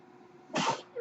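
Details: A brief, sharp puff of airy hiss rises from a quiet background and fades within a third of a second: a mechanical ventilator breath from the male podcast host's own ventilator, recorded in real life while he speaks.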